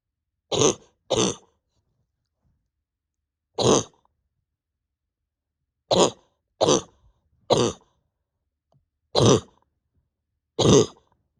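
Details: Eight harsh single cough bursts at irregular intervals, some in close pairs, from an adult at home with pain deep in the chest and stomach, awake over 32 hours and reporting the bronchodilator is not helping; repeated dry-sounding cough.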